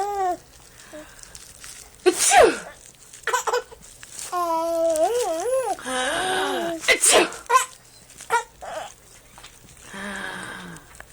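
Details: Adult sneezing: two sharp, explosive sneezes with odd drawn-out, wavering voiced sounds between them, while someone laughs in a small room.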